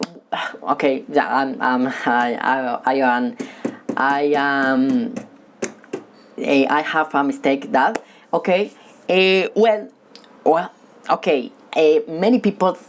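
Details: Male who has stuttered since childhood, stutters when talking with people but reads fluently alone; stuttering.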